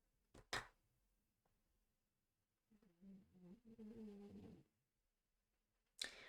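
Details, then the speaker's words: A single drawn-out, buzzing snore from a sleeping French bulldog lying under the speaker's feet, in a quiet room with a few sharp clicks: dog snoring. "je sais pas si vous entendez des bruits chelous mais c'est juste Blondy que fait qui fait dodo"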